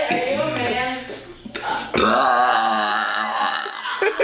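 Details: Female deliberately burping: loud, drawn-out voiced belches with a gurgling quality.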